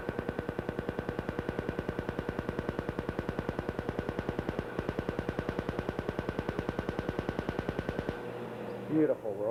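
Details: A Summit Apex Plus excimer laser firing during real-time LASIK surgery while the patient holds fixation on the light: rapid, regular clicking pulses about 150 a minute for eight seconds, then stopping.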